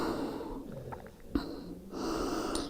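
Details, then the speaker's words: Loud snoring heard during a yoga session. "can hear snoring loudly"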